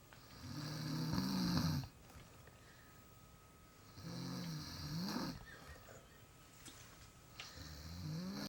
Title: Snoring not boring